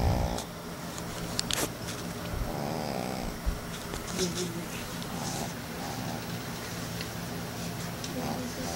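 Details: Soft snorting, rattling breaths from a baby pug in deep sleep while kids disturb him, over steady room noise; ordinary snoring in a flat-faced dog.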